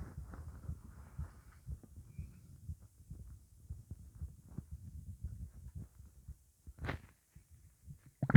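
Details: Stomach rumbling after eating pizza, with gassiness: faint, low, irregular rumbling and gurgling throughout, with a louder gurgle near the end; borborygmi.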